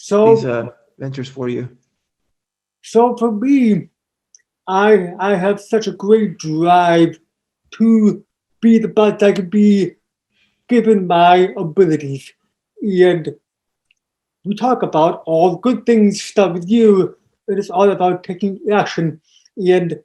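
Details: Deaf speech of an adult man born three months premature in 1976, with congenital hearing loss not found until age two and a half. Taught to listen and speak orally, with unintelligible speech as a child. Also has ADHD.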